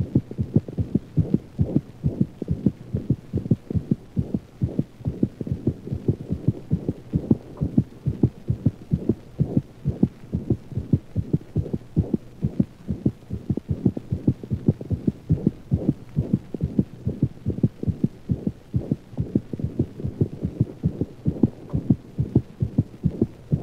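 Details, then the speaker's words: Dog with anemia: rapid, regular heartbeat with clearly heard first and second sounds and a soft, higher-frequency, early-to-mid systolic murmur, loudest at the mitral position and rarely radiating. "this murmur is of higher frequency than that of mitral insufficiency and is usually limited to early and mid systole the first and second heart sounds are clearly heard"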